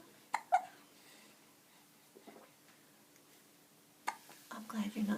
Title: Oh no hiccups!